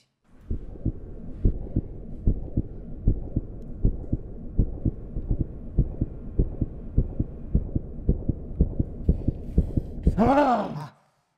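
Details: Fictional short film: doctor examining a patient, steady strong low heartbeat thumps about 140 a minute ending in a brief tonal whine; simulated rapid heartbeat.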